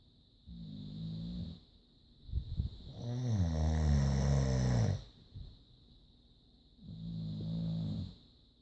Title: Caught in the middle between fiancé and boxer snoring